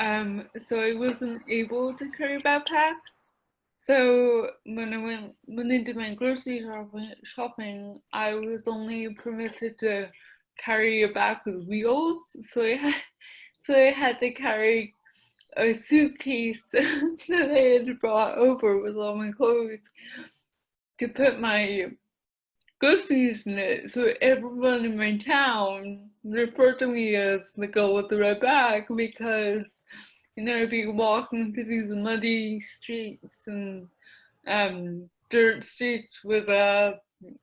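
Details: Mild dysarthria in an adult woman with mild cerebral palsy affecting her speech, the right side of her face and the right side of her body; she describes a speech impediment.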